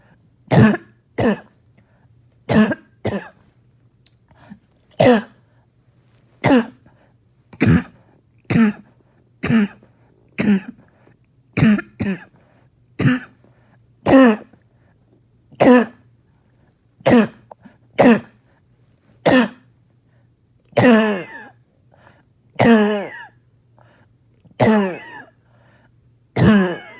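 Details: An adult coughs in a long run of about two dozen harsh, barking coughs with a loose, phlegmy edge: barking cough.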